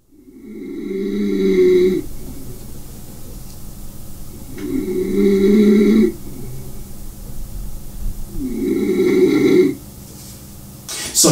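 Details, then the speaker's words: Snoring typical of obstructive sleep apnea: three loud, rough snores, each cutting off abruptly. "let's talk about a scenario because this is one of the major characteristics of people who do suffer from sleep apnea and this is because of the fact that you snow because the passage of the air through your Airway Narrows and produces this sound"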